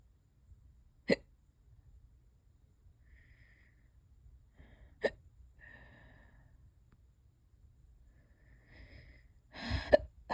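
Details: Three sharp, sudden hiccups at irregular intervals over about ten seconds, with quiet breathing and faint rustle between; hiccups that have lasted for hours and are getting worse.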